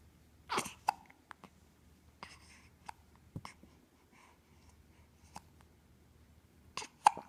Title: Baby Hiccups!!